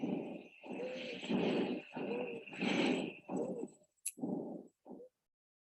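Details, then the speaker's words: Exam audio exhibit of wheezing: rapid breaths with a high, musical whistle from narrowed airways, suggesting asthma or COPD. "okay now that sounds like a whistle for sure so the question asks based on the lung sounds what priority intervention should be anticipated and the infamous select all that apply so again this sounds like a wheezing whistle so you must think either asthma or copd"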